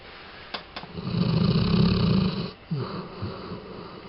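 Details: One long, loud, low rumbling snore on breathing in, followed by a softer breath out, from a sleeping pet; snoring.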